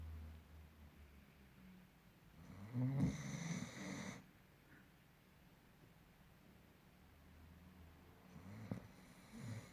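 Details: Soft, low snorting snore with a faint whistle over quiet room noise from a sleeping dog, possibly a German Shepherd: mild snoring.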